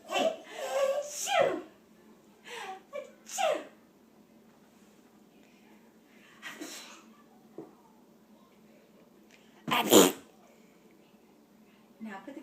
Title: Sneezing -August 2013